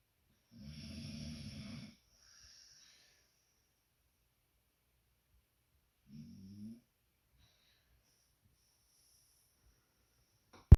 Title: Snoring duet